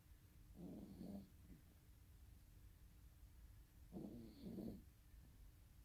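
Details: Two soft, low rattling snores a few seconds apart, with quiet breathing between them. Snoring.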